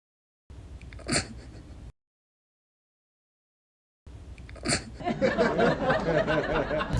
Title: Cat hiccups #cat #viral #fyp #funny #funnydrawing